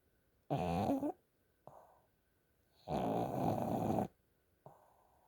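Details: A sleeping pug snores, which the owner notes is unusual for this pug: snoring.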